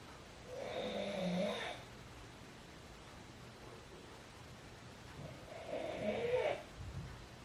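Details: A father recorded asleep at midnight gives two rough, rattling snores on breathing in, several seconds apart, with quiet room noise between; ordinary snoring.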